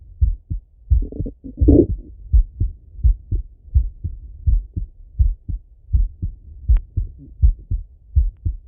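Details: Full heart auscultation of a male through a stethoscope, recorded either sitting at a desk or lying in bed: steady lub-dub at roughly 80 beats a minute with a brief rubbing noise; normal heart sounds.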